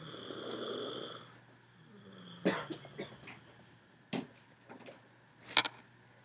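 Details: Person snoring during sleep: uneven snorts and rattling breath noises, with faint room noise.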